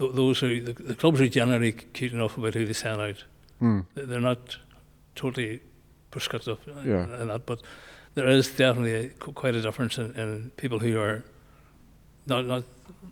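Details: Man nearly 65 with Parkinson's disease, voice problem noticed before diagnosis, also word-finding difficulty; hypokinetic dysarthria (Parkinson's disease speech).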